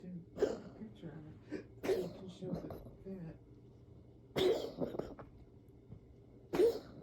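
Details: An animal with a chronic cough gives about four sharp, harsh cough bursts spaced a few seconds apart; recurring chronic cough.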